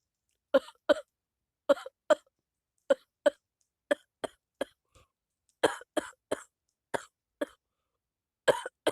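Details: Repeated short, dry coughs, mostly in pairs, about sixteen bursts, from a person with a cold (not flu) describing a bad cough that affects their voice; cough.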